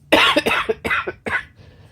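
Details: A burst of three harsh coughs in under two seconds from an adult on day 6 of COVID-19, just after an inhaled breathing treatment.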